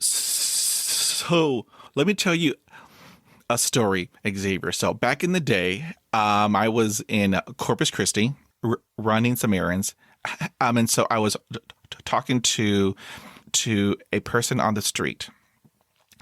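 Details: Adult man who stutters, describing having a severe block; stuttering.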